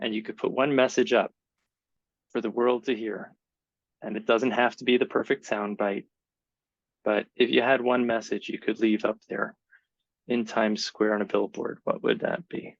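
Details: Adult man; typical speech.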